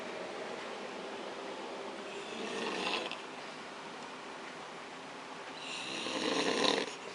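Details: A father snoring in his sleep in an RV at a church camp meeting on 6/9/2012, his children sleeping nearby: two rough inhaled snores a few seconds apart over steady room noise.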